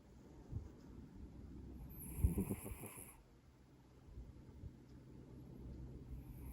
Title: Maine Coon Valentina snoring